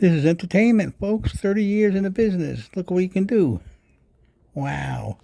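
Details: Adult speaker; normal speech.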